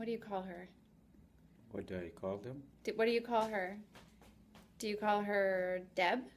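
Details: Adult examiner, female voice; normal speech.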